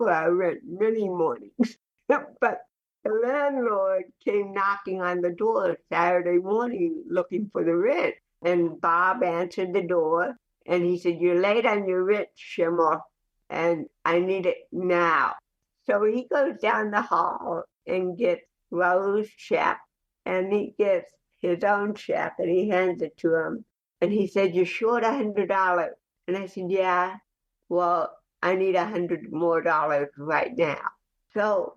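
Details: Woman with cerebral palsy since childhood who is also hearing impaired, an actress and comedian speaking in an interview; dysarthric speech in cerebral palsy.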